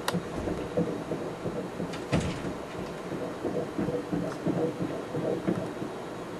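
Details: Fetal heartbeat at the first pregnancy ultrasound, heard on Doppler: fast, swishing whooshes at roughly 170 a minute, irregular-sounding through noise.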